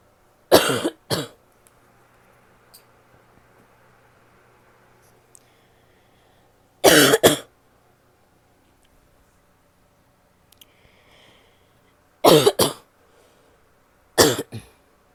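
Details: Female coughing: four bouts, mostly two quick coughs each, with quiet gaps between.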